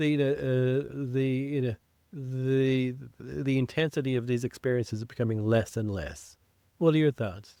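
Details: Adult man who identifies as a person who stutters, with blocks and prolongations, speaking in an English podcast conversation; stuttering.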